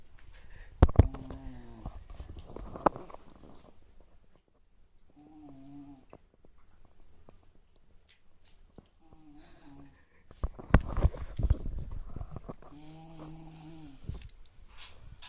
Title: Wieredest Snoring